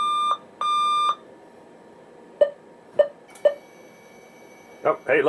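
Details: Two sustained electronic beeps, then three short lower beeps and brief clatter: alarm tones from a Datascope Passport patient monitor, hospital surplus, during testing in a teardown.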